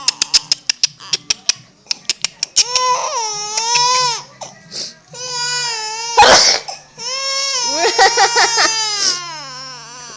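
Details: Baby frightened by mother's sneezing: sobbing gasps build into loud, sustained, wailing cries with catches between breaths while she comforts the baby; distressed infant crying.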